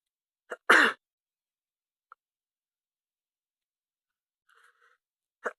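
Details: Sneeze while wearing an oxygen mask during a cold: a small inbreath, then a single short sneeze burst, then near silence with faint sounds.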